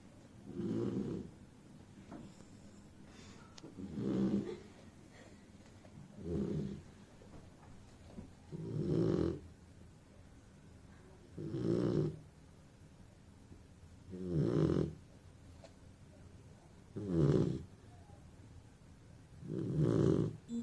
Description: Ollie snores so loud...All my boys are noisy !